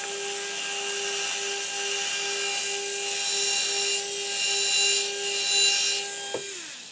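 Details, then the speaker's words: Surgical handpiece at 1200 rpm with a 1.2 mm pilot drill, slowly pumping in and out to drill osteotomies along the ridge on a practice upper maxillary model: steady whining motor tone with gritty grinding, stopping at the end. "now first step is we go ahead and take our 1.2 millimeter pilot drill with the proper angulation i'm going to angulate here following the ridge morphology and slowly pumping in and out allowing for nice proper implant position"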